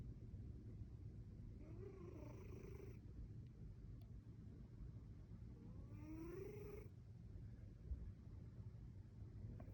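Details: Two faint, rising snore-like breaths over a steady low background rumble. Soft snoring.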